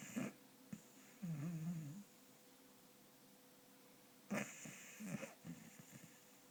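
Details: 4-year-old beagle snoring and dreaming in sleep: soft snoring breaths with brief whimpers and muffled dream noises between quiet pauses.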